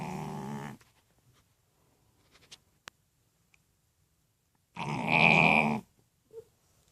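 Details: Sleeping male French bulldog snoring: two loud, rough snoring breaths several seconds apart with quiet pauses between; snoring.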